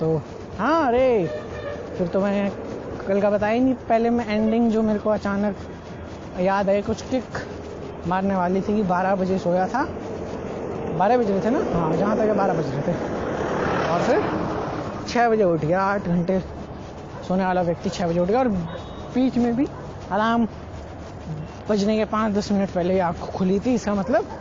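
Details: Man who stutters (stammers), speaking Hindi, doing daily speaking practice to see whether it changes his speech; stuttering.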